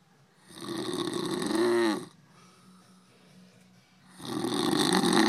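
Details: Adult man snoring heavily in sleep: loud, harsh rattling snores on inhalation separated by quieter breath pauses.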